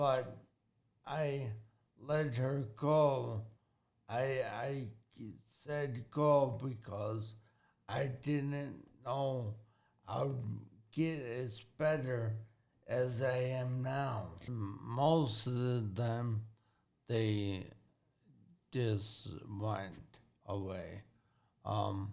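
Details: Man, 40, with severe traumatic brain injury from a car accident at 19, about 21 years ago, who relearned to talk with speech therapy; halting speech with repetitions and garbled words; acquired speech impairment after traumatic brain injury.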